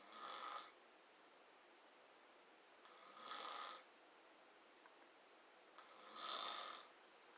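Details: Adult woman snoring in sleep: three rough, hissing snores about every three seconds, roughly 20 per minute, each under a second, with quiet between.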